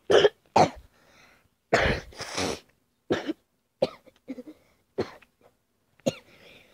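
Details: Repeated harsh coughing from a person who says they are really sick and not feeling well: about seven short, harsh cough bursts with throat clearing between them.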